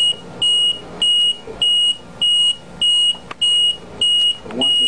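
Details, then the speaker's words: Steady high-pitched beeps about 100 per minute from an LP10 ventilator's low-pressure alarm, triggered by popping off the tubing to show a disconnection; a latching alarm that must be reset. "a low pressure alarm means that becomes disconnected this needle will not move that high Watch What Happens he pops off let's say one of the tub g walk right machine start alarming and say low pressure"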